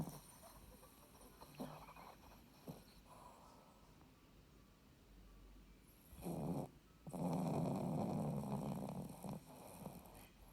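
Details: Sleeping Shih Tzu snoring with eyes open: low, rough snoring noises, strongest toward the end, over faint room noise; snoring.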